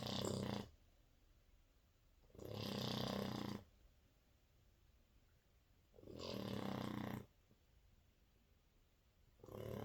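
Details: Four-month-old French Bulldog puppy snoring while asleep: loud rasping snores on each breath in, about one every 3.5 seconds, with quiet pauses between.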